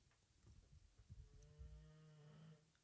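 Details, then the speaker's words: Sleeping dog: low rumbling breaths building into a drawn-out, groaning tone; ordinary snoring. "you hear my dog he's just snoring listen to this can you guys hear that listen to this"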